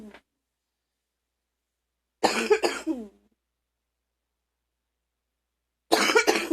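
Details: Two bursts of harsh, deep coughs, each with two or three rapid explosive coughs, separated by silence in a quiet room, from a person who was very sick: repeated deep coughing.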